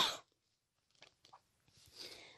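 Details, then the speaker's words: Adult woman still recovering her lost voice gives a single sharp, dry cough followed by faint rustling and quiet room noise; cough. "ouis j'ai pas récupérer ma voix j'ai beau tousser je la récupère pas je tousse dans le vide"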